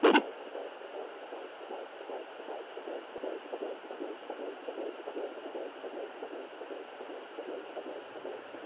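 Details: Fetal heartbeat at 12 weeks of pregnancy on a Sonoline fetal Doppler, possibly twins (uncertain): fast, even whooshing pulses around 150–170 a minute.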